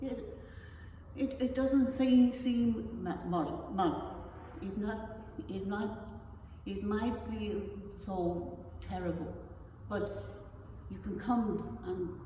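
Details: Adult woman with non-fluent aphasia after a stroke, who also has foreign accent syndrome; non-fluent aphasia.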